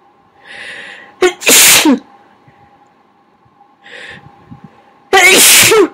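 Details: Two big, wet, explosive sneezes, each preceded by a sharp in-breath, over a steady background hum, recorded while trying to talk between sneezes at someone's request.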